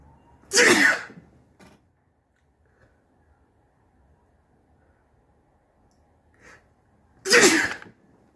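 Two loud, wet-sounding sneezes several seconds apart, each with a brief sharp burst; ordinary sneezing.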